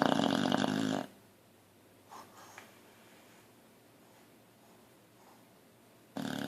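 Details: Loud snorting snore, quiet breathing with snuffles, then another snore, from a boxer dog in deep sleep, twitching; snoring.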